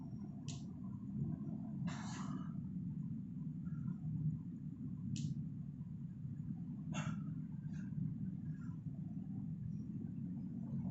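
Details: Several short, sharp knee pops over a steady low rumble during 10 reps of front squat and power clean with 83 lbs (38 kg); knee crepitus.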